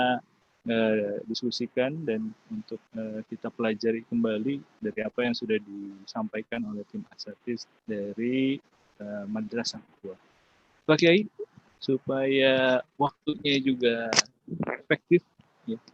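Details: Adult male speaker; normal voice.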